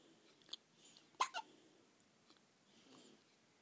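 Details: 3-day-old baby hiccuping: a few soft, abrupt catching sounds in a quiet room.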